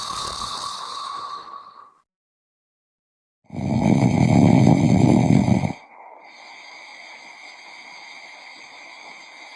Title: Snoring sound effect